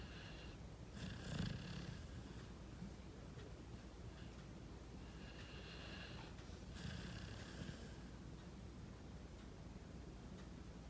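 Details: Sleeping pit bull puppy, a rescue, snoring: low rough snores rising and falling over faint background hiss, with snorting bursts on some breaths, possibly while dreaming.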